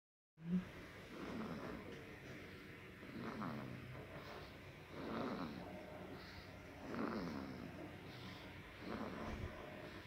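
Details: Sleeping baby snoring: soft, rhythmic rattling snores, about 30 per minute, with faint room noise.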